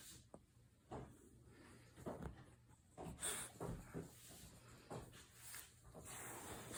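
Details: Repeated sneezing from a dog: a series of short, sharp bursts of air at irregular intervals over a few seconds, with faint room noise.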